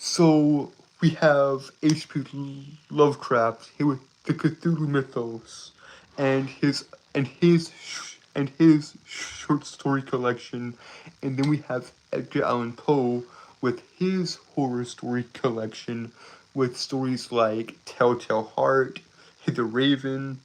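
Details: Stuttering in a male streamer who says he has a speech impediment that makes him stutter, trip over his words and breathe weirdly.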